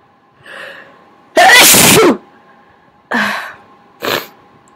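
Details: Adult recording self-sneezing at home with a snotty nose, talking between big wet sneezes; sharp in-breath, one loud explosive sneeze, then short breathy sounds; sneeze.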